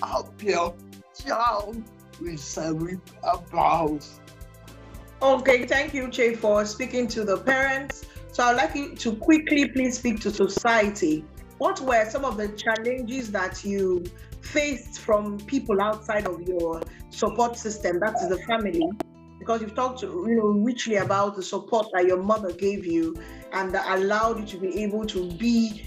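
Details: Adult host speaking; typical speech.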